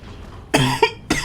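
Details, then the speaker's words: A sick adult coughing and sniffling while talking, with illness affecting the voice. "me in other little bits of news yes I'm sick that's why I'm coughing that's why I sound like [ __ ] and so I'm sniffling every so often"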